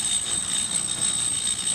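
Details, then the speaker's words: Dental lathe with a 3-inch wheel levelling the occlusal (biting) surfaces on both sides of an acrylic appliance; steady high-pitched whine with constant grinding hiss. "what we are going to do is level off the the clusel or biting surfaces on both the right and left sides of this Appliance and we do it by using this LA with this 3-in"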